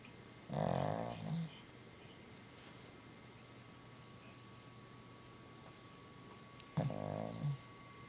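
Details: Dog asleep on owner's leg on the floor, snoring fairly loudly: two low, rumbling snoring breaths several seconds apart in a quiet room.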